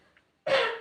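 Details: Single short, muffled cough by a patient with an ongoing cough, acted to demonstrate cough etiquette by coughing into the inner forearm during a nursing student's teaching session.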